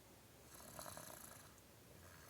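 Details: Young boy, the speaker's son, sleeping exhausted after a week of bricklaying and plastering: soft, rattling breaths during sleep over steady room noise, light snoring.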